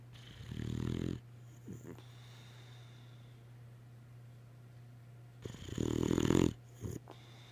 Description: Zoe Lynn the log sawing boxer.